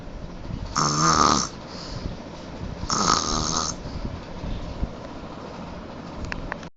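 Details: Loud snoring likened to a lion's: two rattling snores on the in-breath, separated by quieter breathing, during sleep.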